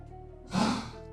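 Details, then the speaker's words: Old dog with a chronic cough: a single short, rough cough burst over quiet background music. "that's my dog, by the way, who's coughing. That is not me. He's an he's he's old and he's he's he's got a like a cough."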